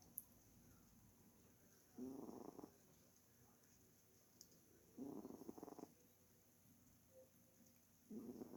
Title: my cat snoring (HAVE TO WARE HEADPHONES)